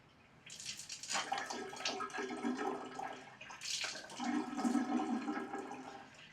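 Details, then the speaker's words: Nasal saline rinse demonstration for allergy and sinus relief: splashing, trickling water as the salt solution flows out while the mouth is kept open and the soft palate relaxed. "Make sure that you keep your mouth open, relax your soft palate, allow the salt water to flow out wherever it's going to flow out, and don't press too hard."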